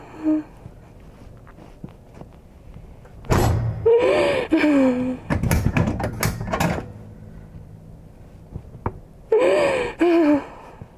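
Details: During a fascia healing session with a chiropractic adjustment, sudden sharp gasps and voiced groaning cries with thumps of manual pressure in a quiet room, as the woman being treated gasps with pain or release.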